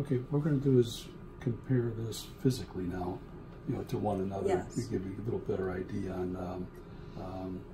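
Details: Adult male clinician; Normal speech.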